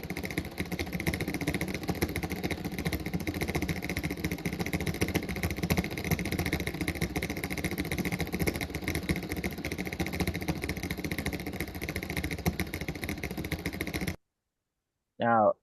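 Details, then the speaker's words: Needle EMG of a faster tremor: dense, rapid, engine-like crackling bursts from a group of muscles contracting together in a rhythmic back-and-forth pattern. Finding: tremor discharge. "what I wanted to show here is that this is a um essentially a tremor uh that's in a group of bustles. It's going back and forth, back and forth, back and forth."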